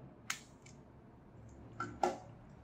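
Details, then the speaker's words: Spring-loaded lancing device pressed to the side of a fingertip (last phalanx) and fired for capillary glucose testing with a glucometer; a few sharp mechanical clicks in a quiet room. "We press the tip of the lancet on the finger and press the button."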